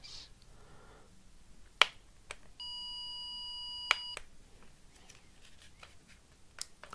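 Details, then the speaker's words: Pure-tone audiometry hearing test with ear plug occluding the other ear: a steady pure 1000 Hz test beep of about one and a half seconds amid clicks and quiet room noise. "Okay, let me try one more stimuli at 1000 Hz, please. Here we go."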